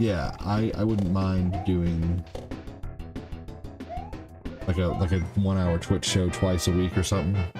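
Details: Adult man who stutters, speaking during a live stream; he says his stutter varies from day to day; stuttering.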